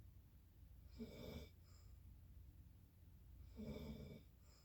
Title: Snoring again